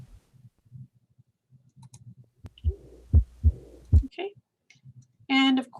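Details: Teaching case: heart sounds with a soft diastolic murmur after the second sound; diastolic murmur from pulmonary valve regurgitation.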